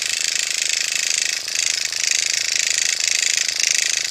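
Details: Steady high-pitched rapid buzzing with fine ticking from an automated microneedling pen at 0.5 mm depth, worked in small circles under the eyes of a 50-plus woman with skin held taut; painless.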